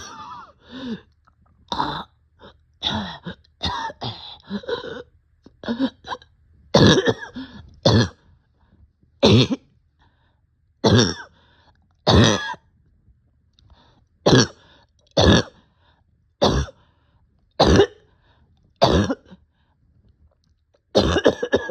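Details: An adult who is short of breath gives repeated harsh, hollow barking coughs with throat clearing.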